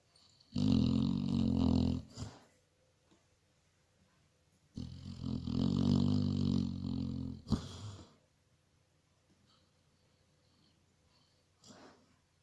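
Two deep, growling snores from a sleeping dog with quiet pauses between them; snoring.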